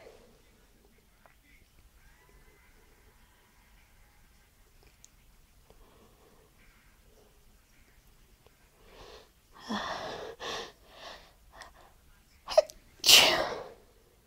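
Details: Sneezing at the end of a nighttime sneezing fit: a quiet room, then a few soft snuffling bursts building to one sharp sneeze.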